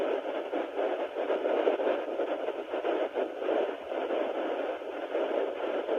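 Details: Sonoline B home fetal Doppler at 9 weeks of pregnancy: steady hissing static with slight swells and no clear rhythmic fetal heartbeat; user unsure whether the heartbeat is picked up.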